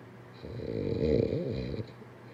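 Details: A single loud, vibrating snore lasting over a second, rising and falling in pitch; ordinary snoring.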